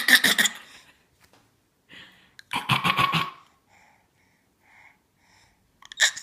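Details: Infant almost 10 months old gives three short, voiced, cough-like bursts, a deliberate fake cough rather than an illness cough; voluntary cough.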